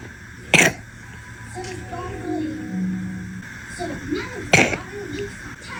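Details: Two short, separate wet coughs from a weak girl with pneumonia-related productive cough, throat full of phlegm, heard over tonal background sounds.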